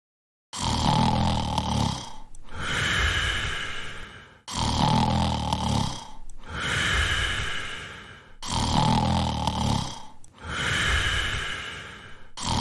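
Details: Person sleeping with loud, regular snoring: a rough rattling snore on each breath in and a noisy breath out, about 15 breaths a minute.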